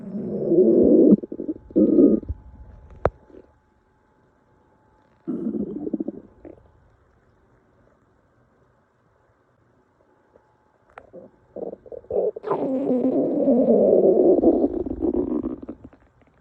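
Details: Long, loud gurgling rumbles in several bursts with quiet gaps from a woman described as really hungry; hunger-related stomach growling, a normal bowel sound.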